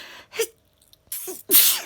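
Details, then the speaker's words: Adult during cold weather, caught on camera just before switching phone off: two sneezes, each a sharp in-breath then a loud hissing burst, plus an earlier catch of breath; sneezing. "i was just about to turn my phone off and i started sneezing but looking i hadn't turned it off so i quit the clips on camera"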